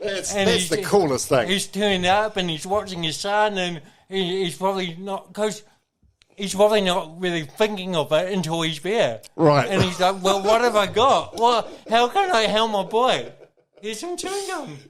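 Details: Adult man with cerebral palsy from birth, caused by oxygen loss to the brain during delivery (a brain injury); he says his thinking and articulation are intact; dysarthria (cerebral palsy).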